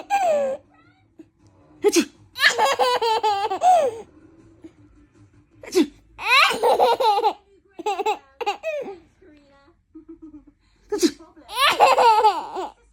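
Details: An adult gives sharp, exaggerated pretend sneezes, each followed by a baby's bursts of laughter; a playful fake sneeze, not a real one.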